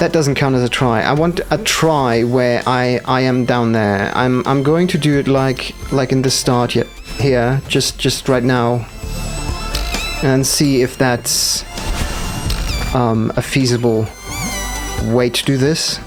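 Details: Stuttering with audible repetitions in a male gamer, who says it appears when he must focus hard, especially on demanding parts not yet in his muscle memory.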